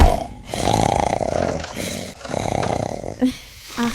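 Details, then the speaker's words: Simulated snoring of a Wookiee video game character (Star Wars, Zaalbar): loud, rattling snores in long bursts, an acted sound effect, with German dialogue complaining about the loud snoring. "Das ist doch nicht zu fassen. Wie kann man nur so laut schnarchen? Wird man ja verrückt frei."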